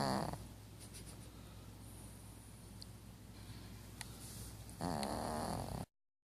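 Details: Sleeper who has passed out: low rumbling breathing with a raspy snore at the start and again near the end; snoring during sleep.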